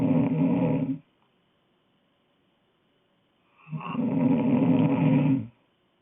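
Two loud, rough, vibrating snores separated by a silent pause of nearly three seconds: a child snoring in sleep.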